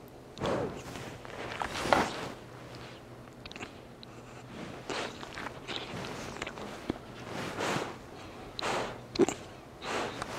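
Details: A 3-month-old rescued blue nose pit bull puppy, recovering from chemical wounds and hookworms, makes soft, short, abrupt sounds about every second over faint room noise: hiccups.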